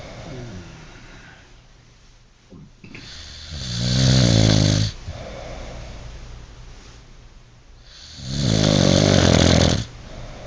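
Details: Adult snoring in sleep: loud, deep, vibrating snores on each in-breath, about every four seconds, with quieter out-breaths between.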